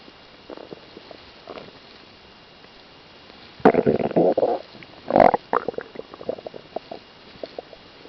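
Gurgling, bubbling rumbles from the belly, with two louder longer gurgles among softer brief clicks and pops; ordinary stomach rumbling (borborygmi).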